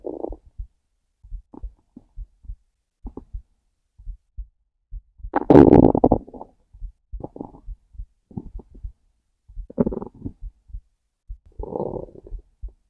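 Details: Hungry stomach: steady soft heartbeat thumps with loud gurgling stomach growls over them, ordinary hunger rumbling.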